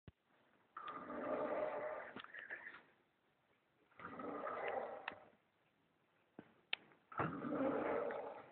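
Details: Very loud, rough, snorting snores, one about every three seconds, with a pig-like grunting quality; heavy snoring.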